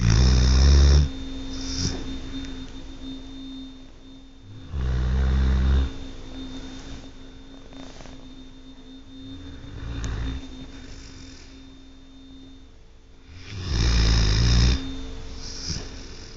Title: My dog Tucker SNORING.. Yes, I have to sleep with this every night ! OMGGG..